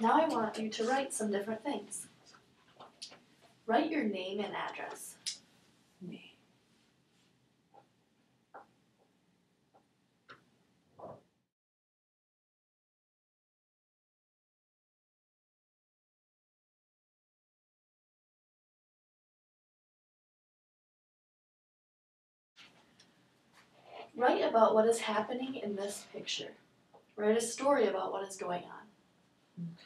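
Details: Adult female examiner giving test instructions; Plain speech.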